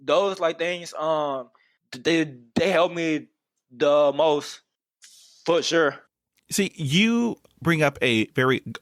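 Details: Adult man who has stuttered for as long as he can remember; stuttering.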